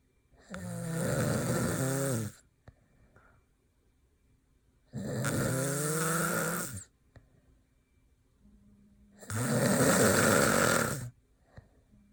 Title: bf out cold/snoring hard